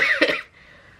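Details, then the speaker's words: Short, harsh dry cough burst without rattle or wet sounds from a young woman with a cold or flu who lost her voice yelling while gaming and says there is no mucus. "And you hear that's a dry cough, so it's like, I know I lost my voice."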